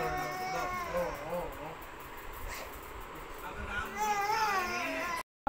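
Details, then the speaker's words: Infant girl crying in bursts with adult voices nearby, distressed and in pain after her third vaccination; infant crying. "But बहुत बड़ा सा हो रहा था कि काफी रो रही थी तो जब बहुत रो रही थी तो हम वीडियोस नहीं बना पा रहे थे"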